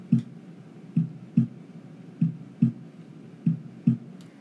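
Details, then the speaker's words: Normal heart sounds, S1 and S2, from a teaching recording: regular paired lub-dub at about 48 beats a minute. Lub is atrioventricular valve closure and dub is semilunar valve closure. "so when these are closed that makes a love sound when the semilunar valves are closing here that makes a dub sound so we're just going to listen to that for a few seconds this is what it sounds like and so the love is again the nature of ventricular valves closing and the dub is the semilunar valves closing"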